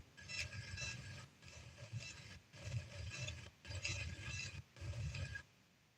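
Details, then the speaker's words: Sleeping cat snoring in rattling, raspy bursts separated by brief quiet pauses, noticed during a livestream: snoring. "Oh, I kept hearing something. That's my cat snoring."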